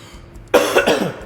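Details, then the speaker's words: Cough from one of two adults filming over 12 days who said they were really sick during the shoot, amid conversation. "한 가지를 제외하고는 모든 것이 순조롭게 진행되고 있었습니다, 코디와 저는 정말 아팠어요."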